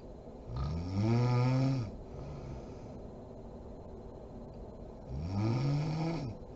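Two loud, rattling, low-pitched snores on inhalation, separated by quiet exhalation, from a sleeping adult.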